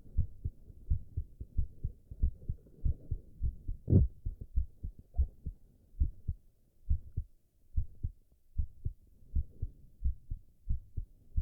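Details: Male heartbeat recorded while he drinks tea: steady, regular low heart thumps of about 90 beats a minute with a soft hum behind them; normal heart sounds.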